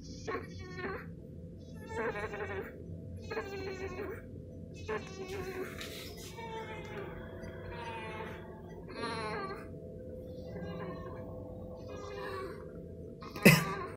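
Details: Neonate on T-piece (case 1) with repeated short, strained cries and grunting over steady equipment hum. Respiratory distress.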